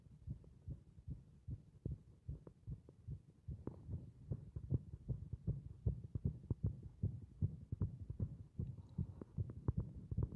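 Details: Heart beating against compression: muffled low paired thumps, somewhat uneven, about 75 to 80 beats a minute, heard through the chest.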